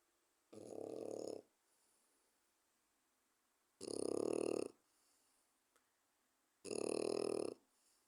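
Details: Four-month-old French Bulldog puppy snoring loudly while asleep.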